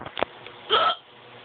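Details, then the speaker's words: Person with hiccups lasting about 5–10 minutes, at bedtime: a sharp, abrupt hiccup followed by a brief voiced catch in a quiet room. "i have this hiccup i already have them for a good 10 minutes"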